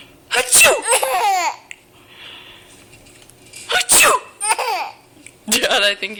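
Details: Repeated sharp sneezes, each followed by a baby's giggling laughter; the baby finds the sneezing hysterical.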